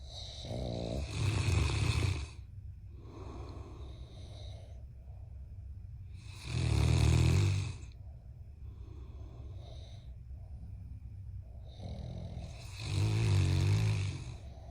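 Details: Snoring: loud, deep rumbling snores on each in-breath, about three breaths in 15 seconds, with quieter breathing between; heavy snoring.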